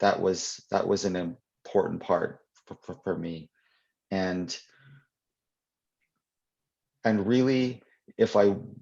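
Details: Adult poet and children's author who stutters, answering questions in a live Q&A at a 2021 convention; real, not acted; stuttering.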